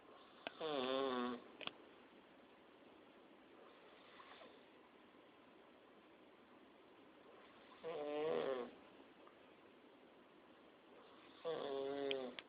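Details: Snoring with an unusual sound: three rattling, tonal snores about four seconds apart against quiet room noise, roughly 15 breaths a minute.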